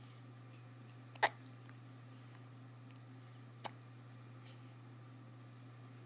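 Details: Hiccups: one sharp, abrupt hiccup and a fainter second one a few seconds later, over a steady low electrical hum.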